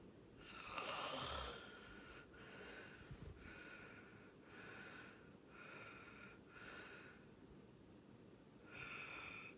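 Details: Loud snoring during sleep: hissy, whistling breath sounds in repeated cycles, with one louder snort near the start.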